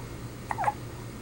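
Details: Newborn less than one day old in hospital, just burped, hiccuping: two brief, soft, squeaky catches in quick succession over a quiet room hum.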